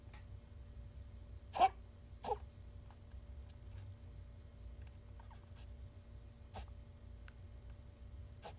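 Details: Female toy poodle puppy, 61 days old, coughing: two short, sharp cough or sneeze bursts, then fainter ones, in a quiet room. Diagnosed with contagious bronchitis (kennel cough), which improved quickly with medicine.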